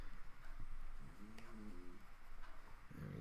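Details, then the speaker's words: Sleeping dog's soft, low snuffling snores with a brief tonal whine-like breath over quiet room noise; described as her normal snoring, not caused by her donut; snoring. "And that's Myrtle snoring in the background. That's not because of her donut. Yeah, that's just normal Myrtle snoring."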